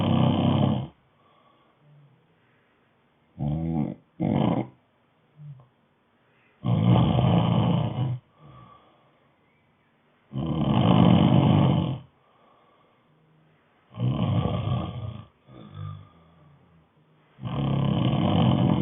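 Loud, deep rattling snores on each in-breath with quiet pauses between, about six to seven snores across nearly twenty seconds.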